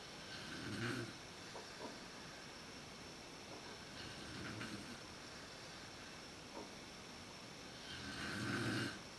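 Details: Mother snoring in a dark room, recorded on a PowerShot SX130IS camera; snoring worst at sleep onset. Low rattling snores with each inhaled breath, three in about nine seconds, over steady room hiss: snoring during sleep.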